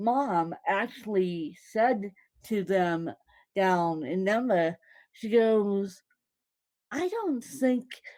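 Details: Woman born with cerebral palsy, speaking; possible dysarthria, though no speech disorder is named.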